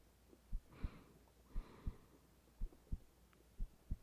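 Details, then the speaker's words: Woman's heartbeat in an ASMR roleplay: soft, regular paired lub-dub thumps at about 70 beats a minute with faint rain in the background; a normal heartbeat. "You get to feel my heartbeat all night. I want to feel yours for a little."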